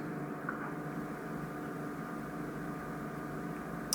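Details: Endoscopic ear microsuction of very difficult ear wax in a 4-year-old boy, wax right on the eardrum: steady rushing suction hiss with low hum.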